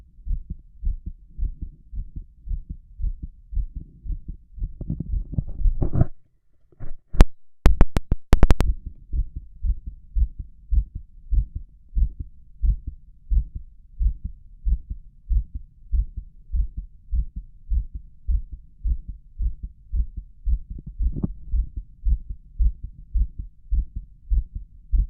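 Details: Simulated doctor's-office stethoscope auscultation of a shirtless adult male's chest, listening over the heart valves: a strong, fast, regular, loud heartbeat with a visible apical impulse, plus brief breath noise and chest-piece handling clicks; loud rapid heartbeat.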